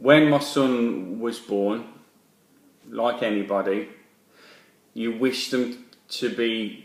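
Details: Adult man speaking; stammering.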